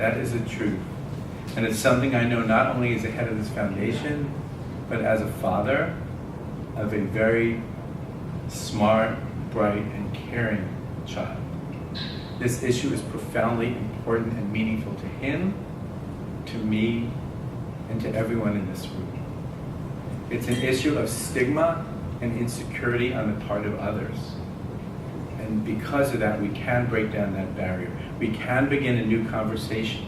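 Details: Adult male speaker; typical speech.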